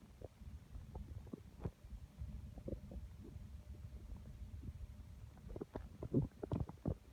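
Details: Constant stomach growling (borborygmi) felt by hand on the belly: low continuous gurgling and rumbling with irregular squelchy bursts, louder near the end, active bowel sounds.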